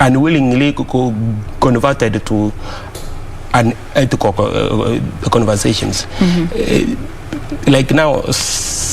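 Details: Adult man who stammers, speaking on a TV talk show; word and part-word repetitions; stuttering.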